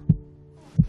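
Two deep, soft thumps close together: a baby's heartbeat heard inside the womb.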